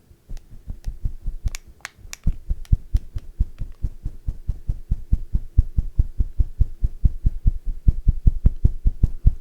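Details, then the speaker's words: Fetus at about 11 weeks in an ASMR pregnancy-center ultrasound role-play. Fast, steady whooshing thumps on Doppler, stated as 158 beats per minute and very healthy: fetal heartbeat on Doppler. "very healthy heartbeat 158 beats per minute very healthy the baby's heartbeat is expected to go very fast"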